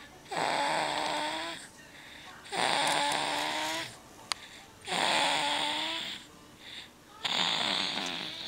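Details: Loud, rattling, slightly whistling snores on each in-breath, about 26 a minute, with softer out-breaths between; ordinary snoring.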